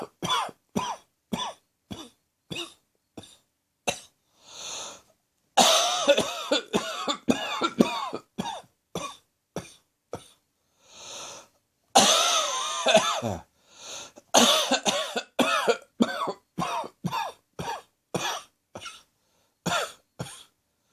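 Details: Adult with acid reflux, medication not yet started: long run of repeated harsh coughs with brief gasping breaths, a heavy persistent reflux cough.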